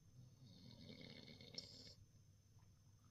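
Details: Sleeping Bavarian mountain hound snoring: soft, low snore with a faint whistling edge on one breath in a quiet room.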